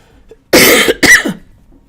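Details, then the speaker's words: Adult recovering from illness, now coughing less but hoarse, gives two quick, harsh dry-sounding coughs in a row. "When I was coughing the most, it didn't seem as bad. Now that I'm starting to get better and coughing less, my voice is completely shot."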